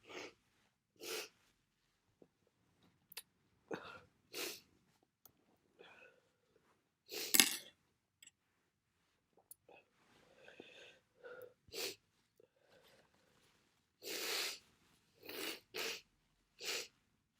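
Repeated short hissy sniffs and sharp bursts through a blocked nose, with a few sneezes; the congested sniffling of a bad cold.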